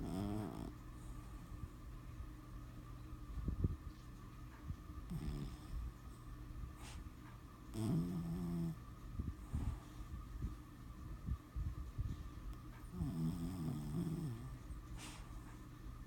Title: Tater snoring